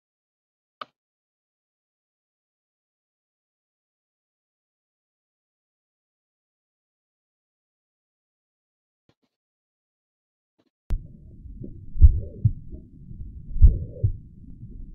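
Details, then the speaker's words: High-pitched blowing holosystolic murmur at the cardiac apex, typical of mitral regurgitation; after long silence, heartbeats with a continuous blowing murmur through systole. "Choice A, which is the high-pitched blowing holosystolic murmur at the cardiac apex is what's going to be a mitral regurgitation. So since it is high-pitched, it's at the right location, but it's the wrong sound. So this is what mitral regurgitation is going to sound like in comparison to the stenosis."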